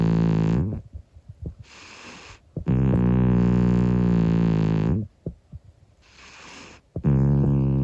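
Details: Snoring from a sleeping 25-year-old calico cat: long, loud, buzzing drones alternating with quieter snuffly breaths, roughly every three seconds.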